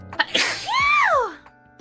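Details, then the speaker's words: Sneeze during a livestream, possibly faked: short breathy intake and burst, then a high, squeaky voiced sound that rises and falls, an unusual vocal ending. "See, anyone can fake a cute sneeze just like anyone can fake an ugly sneeze. How about just a sneeze where you don't try and do anything more? Was that a false sneeze?"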